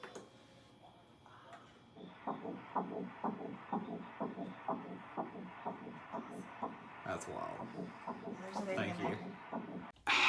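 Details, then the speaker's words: Rapid, regular whooshing pulses of an early fetal heartbeat, about 170 beats a minute, on ultrasound at the first pregnancy appointment, with the embryo measuring 0.9 cm. "That baby's got a heartbeat. Sure does."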